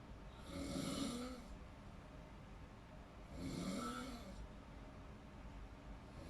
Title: Snoring sounds while in deep sleeping (relate ka ba panuorin at pakinggan mo)